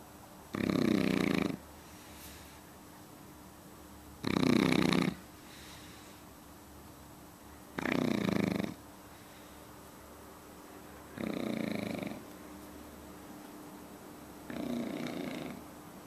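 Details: Dog snoring while asleep at night: five rasping, buzzy snores at a steady pace, roughly one every three and a half seconds, over faint room hiss.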